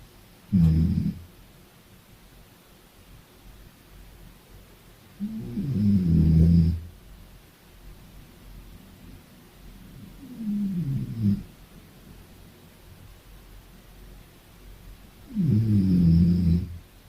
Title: 01 Little snore